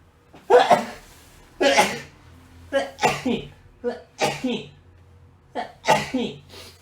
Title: sneeze